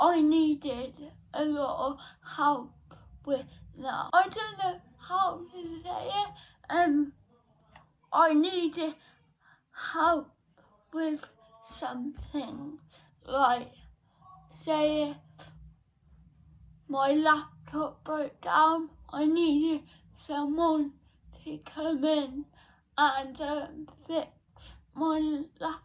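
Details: 17-year-old female with cerebral palsy since birth, diagnosed at 14 months, which she says affects her speech; speech therapy from an early age; dysarthria.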